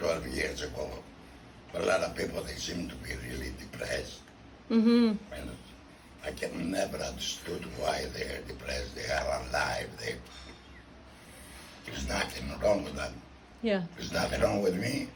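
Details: Tracheoesophageal speech with a voice prosthesis in a man 14 years after total laryngectomy.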